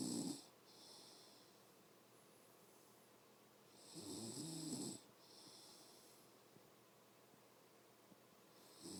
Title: Snoring mommy